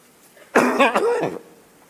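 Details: A president, mid-speech delivering the 2026 state budget financial note, has a brief coughing fit of three or four voiced coughs and throat-clearing. Afterwards he says he was too spirited in his speech this morning. Cough.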